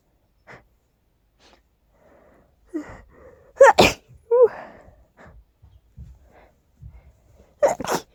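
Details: Two loud, explosive, strong tickly sneezes, each led by a sharp inward catch of breath, with quiet breathing between them.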